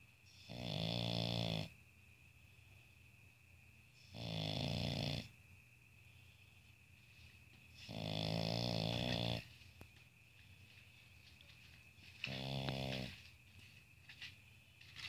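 Loud, rattling snores on each breath in, about four in fifteen seconds, from a sleeping flat-faced dog; ordinary snoring in a quiet room.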